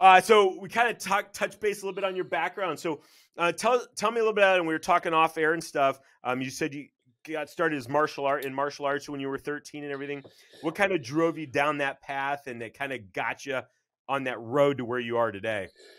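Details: Adult male speaker; normal conversational speech.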